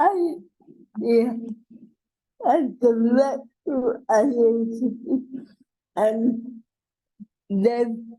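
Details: Adult woman with cerebral palsy introducing herself: dysarthria (cerebral palsy).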